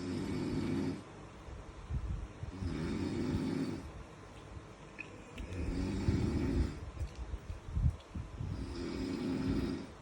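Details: Low, rumbling snores on each breath, about 21 breaths a minute, with irregular thumps and room noise between them; snoring.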